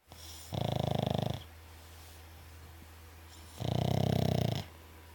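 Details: Snoring during sleep: two loud, fluttering, rattling snores about three seconds apart, with room hum between.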